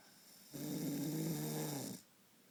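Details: Nightly snoring during sleep: one loud, rattling, buzzy snore lasting about one and a half seconds, with quiet before and after.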